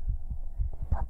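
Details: Normal heartbeat heard through a close microphone during an ASMR stream: soft, low, regular heart thumps.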